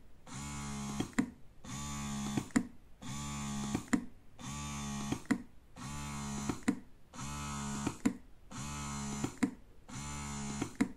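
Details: Electric double breast pump, quiet and compact, running normally: a steady motor hum in rhythmic suction cycles of about 44 a minute, each ending in a soft click.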